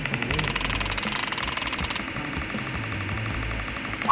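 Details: Abdominal Muscle Sculpt session for six-pack toning at a clinic, after Venus Legacy fat reduction: rapid, high-pitched clicking pulses, about four per second, from an electromagnetic muscle stimulator driving repeated abdominal contractions.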